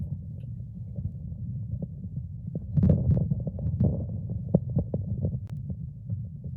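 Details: Ruminal movements heard on auscultation of a ruminant, recorded for a veterinary class; normal rumen contractions.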